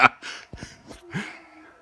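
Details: A girl's hiccups in a quiet room: a sharp, abrupt catch of breath followed by soft clicks and a brief voiced gasp.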